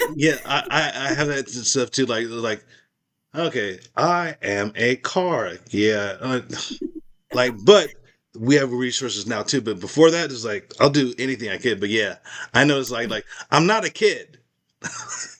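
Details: Man with aphasia speaking in an interview; aphasia.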